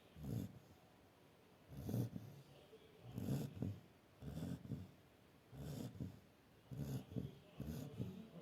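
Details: Sleeping dog Lucy snoring: rhythmic low rumbling snores with snorting edges, about six in eight seconds, roughly 45 a minute; snoring.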